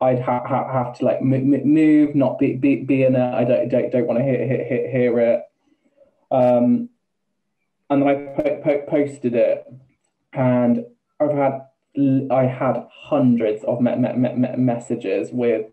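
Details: Man, 28, with Tourette's for about two years; vocal tics including involuntary swearing and repeated words, plus a stammer he never used to have; stammering with repeated words and syllables (Tourette syndrome).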